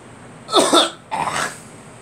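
Two harsh coughs in quick succession over steady background noise.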